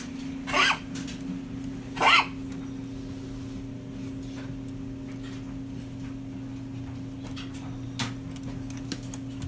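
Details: Rat Terrier with a bad cough: two short, harsh cough bursts over a steady room hum.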